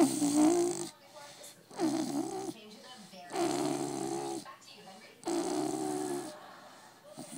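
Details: Blue Staffordshire bull terrier puppy snoring loudly: four rough, buzzing breath sounds about every 1.7 seconds with quieter gaps between; snoring.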